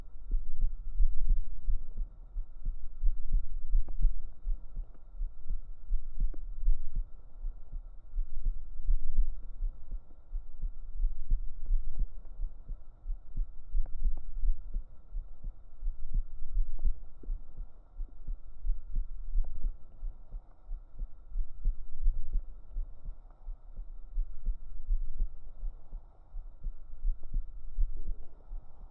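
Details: Steady, deep heartbeat thumps recorded up close on a woman's chest with binaural microphones over a low constant hum, in an ASMR roleplay; the heartbeat is stated to be real; normal heartbeat.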